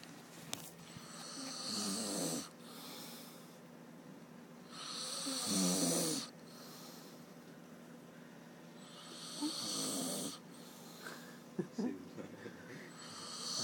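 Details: Snoring at 3 am: steady hissing, fluttering snores on each breath, about 16 breaths a minute.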